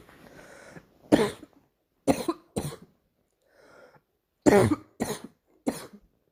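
Two bouts of harsh coughing, about six coughs in all, with a quiet breath between them; a recurring morning cough.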